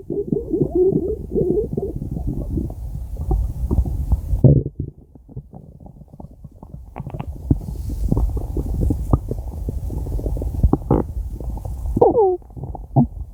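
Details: Five minutes of stomach growling: low gurgling, bubbling rumbles with squeaky bursts from gas and fluid moving through the gut; normal bowel sounds, borborygmi.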